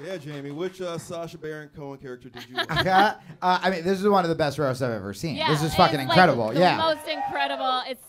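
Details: Adult male speakers in conversation; ordinary speech.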